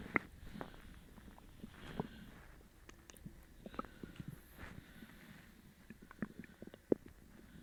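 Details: Upset stomach after eating sugar-free gummies: irregular gurgles, squelches and soft low rumbles from the belly with occasional sharp pops; loud borborygmi.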